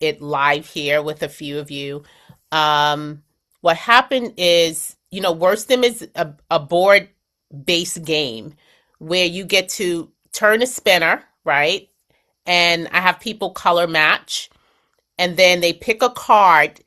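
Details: Adult woman speaking; normal speech.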